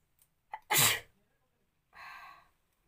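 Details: A quick intake of breath, then one sharp explosive sneeze and a softer breathy exhale, provoked by tickling the nose with a matchstick in a sneezing challenge; an ordinary induced sneeze.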